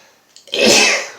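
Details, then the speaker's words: A man who has been sneezing non-stop all day, with a headache, takes a short breath in and then gives one loud, explosive sneeze. "I'm done sneezing I can watch a couple of movies that would be fun this is very weird sneezing into the camera it's kind of bizarre"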